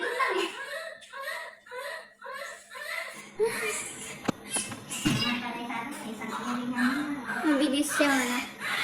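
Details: Newborn baby girl's series of short rhythmic cries right after a natural delivery, then adult voices and murmuring in a small room; a strong, vigorous cry soon after birth.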